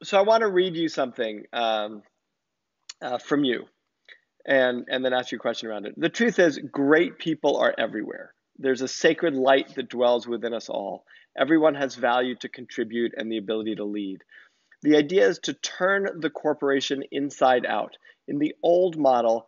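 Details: Adult male speaker; normal voice.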